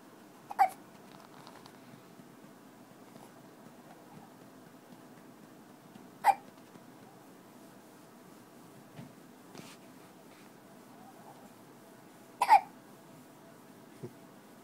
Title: More hiccups